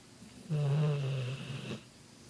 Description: My bullmastiff princess snoring